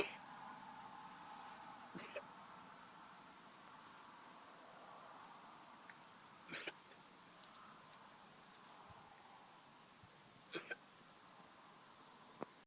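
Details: A few short, sharp coughs from a sheep in Galway, Ireland, spaced several seconds apart against quiet outdoor background noise: cough.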